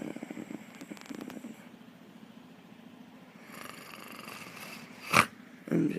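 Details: Pet cat snoring: a low, fluttering, rattly breath sound, then a quiet pause, a sharp click and a brief rustle.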